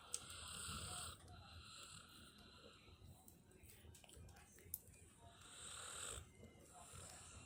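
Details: A sleeping puppy, described as a guard dog, snores with raspy, hissing breaths, two louder snores separated by quieter breathing; dog snoring.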